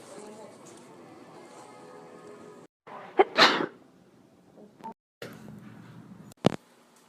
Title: Sneeze Recordings